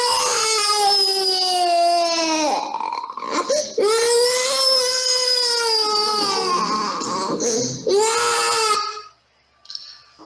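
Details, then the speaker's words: 2-year-old child with massive bronchial obstruction and pronounced wheezing unresponsive to salbutamol, ipratropium and rectal prednisolone, crying loudly in the examination room; sustained wailing bursts with catch breaths; wheezing disappeared during crying and stayed absent afterward without medication. "We came to the examination room and the child has begun to cry. It is a cry of body and soul."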